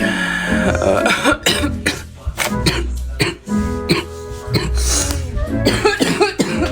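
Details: Young woman with bronchitis: a rapid run of about ten harsh, congested, wet productive coughs over background music; she says coughing recurs every few minutes and hurts her throat and chest.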